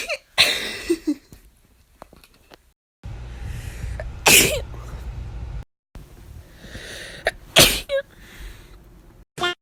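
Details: Sneeze.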